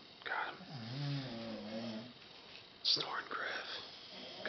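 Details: Men sleeping at a Colorado Rocky Mountain camp at night, recorded in a joking snoring contest; snoring.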